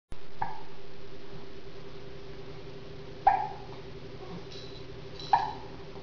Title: Playing with the hiccups